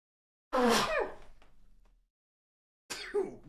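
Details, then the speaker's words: Sudden high-pitched, squeaky sneeze from an adult man during a live stream, followed by a brief voiced sound; he remarks that it was a very high-pitched sneeze. Finding: sneeze. "Hope you guys didn't hear that. That was a very uh high-pitched sneeze. I apologize."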